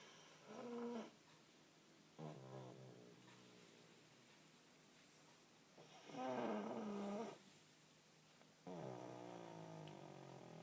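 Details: Pug sleeping after a long walk: four spaced snores, each a vibrating, rattly breath, with quiet between.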